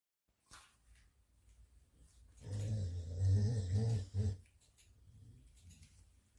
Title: snoring loud.🤣 #dog #cutedoggy #viral #youtubeshorts #